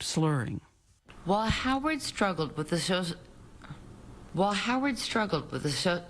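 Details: Slurred speech from alcohol intoxication in an adult woman, a real tape recorded while drinking, as she tries to read a script; she could read the words but could not make her mouth work.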